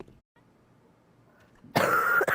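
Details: Cough from a girl with a bad cold and a very sore throat, speaking while gaming: a quiet room, then one short, harsh cough.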